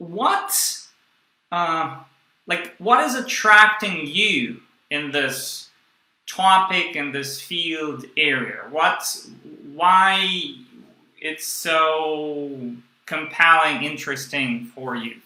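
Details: Stuttering since childhood in a young adult man (stuttered his first 18 years) who still stutters and blocks, using a breathing technique only some of the time.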